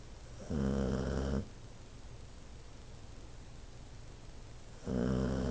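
Two rumbling snores on the in-breath separated by a quiet pause of about three seconds: ordinary pet snoring.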